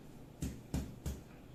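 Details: Lung physical examination percussion over the anterior chest, systematically top to bottom and side to side, producing resonant (sonor) percussion notes; normal resonant percussion note.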